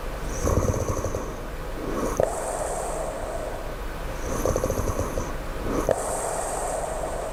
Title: low snoring